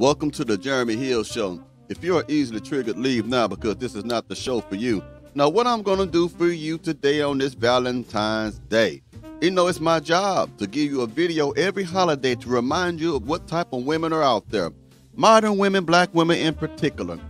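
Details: Adult male speaker with background music; ordinary fluent speech.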